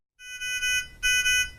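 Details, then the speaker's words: Two short high-pitched electronic alarm tones from a Nonin PalmSAT 2500A pulse oximeter, another alarm needing attention. "Other alarms may occur on the oximeter. You can silence the audible alarm with the on-off button."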